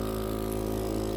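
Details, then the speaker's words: DeVilbiss home care suction unit, with a sleeved suction catheter attached, switched on to suction a medically complex child's tracheostomy at home: steady low motor hum with faint rapid pulsing. "I have the devil bliss, however you say it, home care suction unit. So it's already set up. It's in the case. We keep it downstairs all the time."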